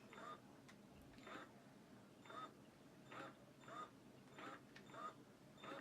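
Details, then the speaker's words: Ameda double electric breast pump switched on with the suction knob, running at a slow setting. Soft, rhythmic motor whooshes about 48 times a minute, each a short rising squeak. "so the way you would turn it on there is a suction note that's the one you turn on so to turn it on turn on the suction knob and you can hear it going fairly slow"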